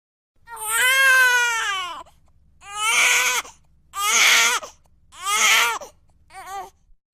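Five rhythmic wailing cry bursts with breaths between them, a typical infant cry from a sound-effect recording.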